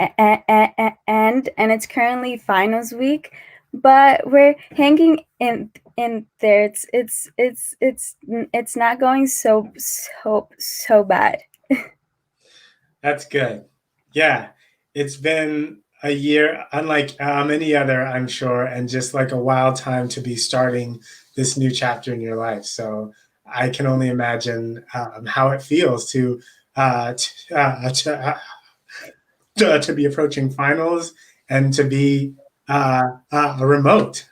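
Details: Adult man who stutters, with repetitions and long pauses: stuttering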